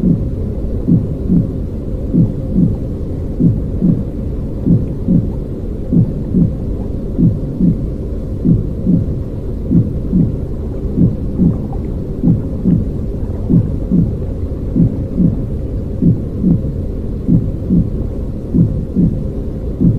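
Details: Simulated intrauterine white noise for baby sleep: steady paired lub-dub heartbeats, about 48 per minute, under a constant whooshing hum.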